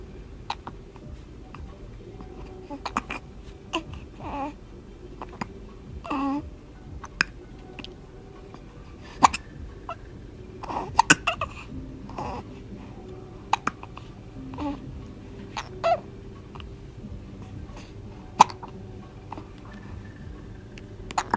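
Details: Baby with hiccups: repeated brief, sharp catches at irregular intervals, about 15 in 21 seconds, with babbling and soft background music. Infant hiccups.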